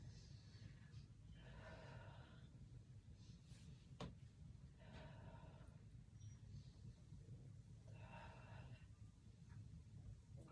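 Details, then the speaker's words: Nurse's head-to-toe assessment of an adult woman born in 1966, sitting on the bed edge. Stethoscope auscultation of the posterior chest, starting left, during deep breaths: several quiet, regular breaths over a low rumble. Normal breath sounds with no adventitious sounds. "The patient appears to have regular breathing. I didn't hear any adventitious sounds, which is what we would like to hear."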